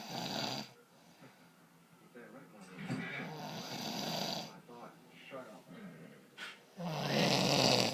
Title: My dad snoring